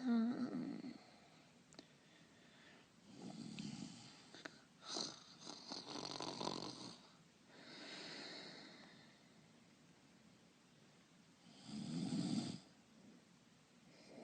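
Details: Acted voice-over imitation of snoring for an animated character (GoAnimate): low rumbling inhaled snores with breathy exhalations, irregularly spaced; simulated snoring.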